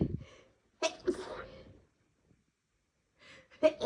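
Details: Two loud sneezes, each preceded by a quick indrawn breath, induced deliberately by tickling the nose on a day of sneezing more than usual without apparent cause.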